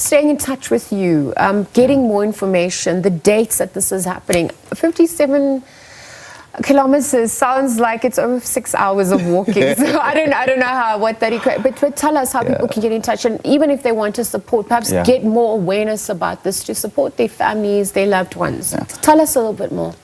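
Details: Adult woman speaking, possibly with a second speaker; ordinary conversational speech.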